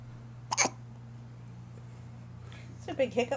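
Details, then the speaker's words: Baby with hiccups: a brief, sharp hiccup, followed by quiet room hum and soft adult murmuring. "Got the hiccups. Oh, that one sounded wet."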